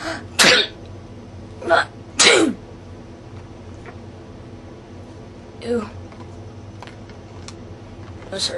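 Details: A person sneezing, a run of sharp explosive bursts with airy release over low room noise, after saying incense smoke (frankincense and myrrh) stings the nose; sneezing.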